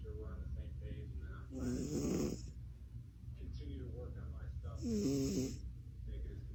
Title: Cat Snoring So Loud and Funny